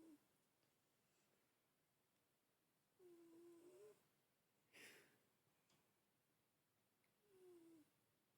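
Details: Sleeping cat snoring with soft, whistling, slightly squeaky breath sounds and a short puff of air between them, in a quiet room.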